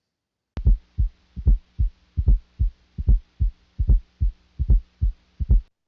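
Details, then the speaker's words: Regular heartbeat about 75 a minute, each beat led by a soft extra thump just before the first sound: fourth heart sound (S4, atrial sound). "el cuarto ruido os4 también se le conoce como ruido auricular es ocasionado por un llenado rápido debido a una atención en las válvulas auriculoventricular es y en el bio cardio ventricular este se oculta en el foco mitra"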